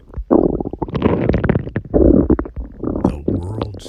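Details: A real girl's belly gives loud bubbling gurgles and low rumbling groans under a true-crime narration: ordinary stomach growling from gut movement, borborygmi.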